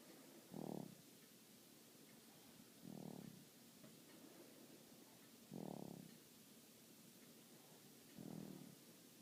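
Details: Quiet snoring: soft, low, rumbling snores recurring about every two and a half seconds against a steady hiss.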